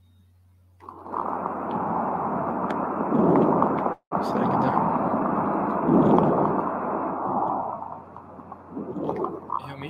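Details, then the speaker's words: Teaching example of fine crackles, described as the classic finding in pneumonia and likened to rubbing hairs together: noisy breath sounds with louder inspiratory swells and a fine crackling texture throughout. "clássico da pneumonia que a gente ouve no que a gente espera no exame físico e paciente com quadro tipo de pneumonia são a setores finos que é o que dizem que é comparam né com se você esfregar o cabelo no outro"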